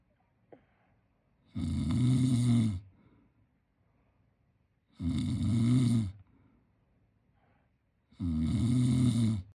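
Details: Sleeping 10-month-old baby boy snoring: three regular, rumbling snores, about 18 breaths a minute, with quiet gaps between them.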